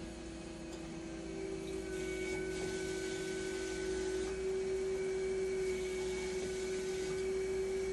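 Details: Haemodialysis machine running during deaeration and flow pump calibration, with a gauge connected to the clear tube: a steady mechanical hum with a sustained tone and faint regular pump pulsing.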